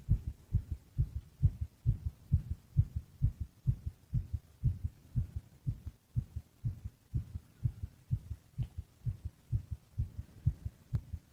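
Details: Steady, regular low lub-dub heartbeat at about 66 beats a minute; normal resting heartbeat.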